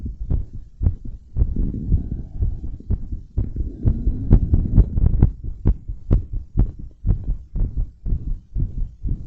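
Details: Strong, pounding regular heartbeats about 130 a minute from a woman's chest after bouncing and blowing up a giant balloon; normal heart racing after exertion.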